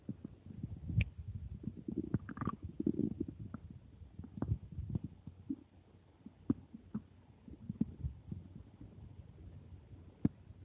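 Low gurgling and rumbling with scattered clicks and pops: ordinary stomach growling from moving gas and fluid.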